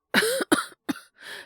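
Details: Simulated cough by a male voice actor playing a boyfriend with a cold and high fever, back from a business trip: three or four short, dry coughs in quick succession.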